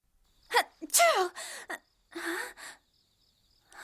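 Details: Animated character Shikijo waking with a voiced sneeze: sharp intake of breath followed by breathy, noisy bursts; sneezing.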